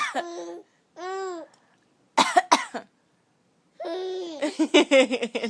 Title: Coughing hilarity